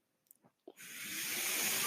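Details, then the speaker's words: A few faint clicks, then a rising, steady airflow hiss from the speaker's own mechanical ventilator delivering a breath while he talks. "hello everyone my name is that noise hearing is my ventilator"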